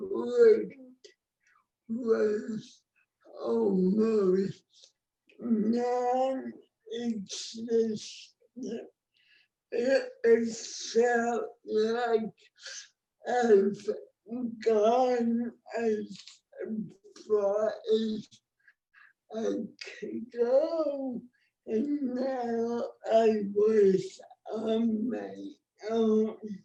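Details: Adult woman with cerebral palsy, born before the ADA, with heavily affected speech; dysarthria (cerebral palsy).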